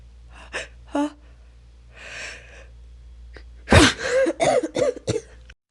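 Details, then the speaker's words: A person tickling their own nose on purpose and trying to hold back the sneeze: quiet sniffs and a breathy build-up, then a sudden partly held-back sneeze burst and short exhaled sounds, a stifled sneeze. "okay I'm not sure if that counted as a sneeze I think that one actually did but um I don't know cuz I did kind of stop it"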